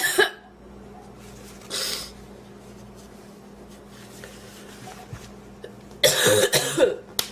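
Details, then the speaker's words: Loud, forceful coughs in clusters, recurring after a pause, from a woman who inhaled part of a sandwich; she feels food in her lungs and is lightheaded. A coughing fit after inhaling food. "oh i was just eating a sandwich and i inhaled part of it i thought i was gonna choke to death"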